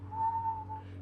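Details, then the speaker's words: Adult woman with COVID imitating her own soft whistling wheeze, heard on breathing out, which she also likens to a rattling bag of chips, with pressing chest pain: a short, steady whistled tone. Wheeze (imitated). "I'm like why do I sound like a whistle in my chest and it and I'm not saying that to be funny like literally like I'm just breathing and it sounds like something that's like I'll whistle nothing but a soft whistle"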